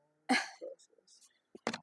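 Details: A single short cough burst, then soft throat sounds and a second brief cough; an ordinary cough.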